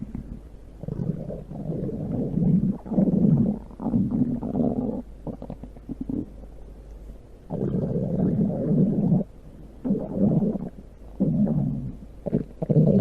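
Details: Stomach growling: low gurgling rumbles in bursts of a second or two with brief quiet gaps.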